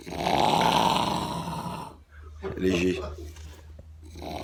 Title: Hot Ronflement intense